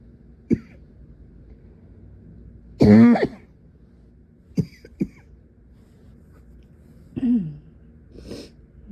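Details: Young woman coughing at night into her pillow during a prolonged, all-night coughing attack: about six muffled coughs and throat-clearing bursts, irregularly spaced in a quiet room.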